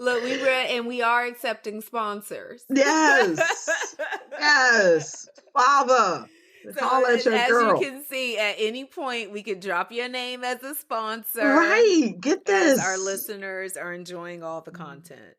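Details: Adult speaker; typical speech.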